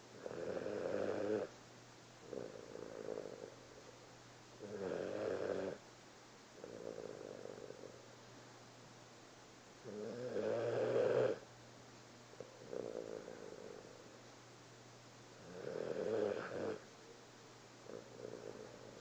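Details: A sleeping cat napping after a long day snores softly and rhythmically, with a louder rattle on each breath in and a fainter one out.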